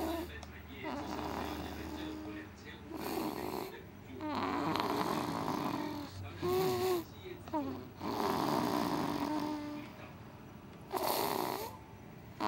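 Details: Baby snoring: repeated noisy, rattly breaths, some squeaky and whistling, over room noise; infant snoring.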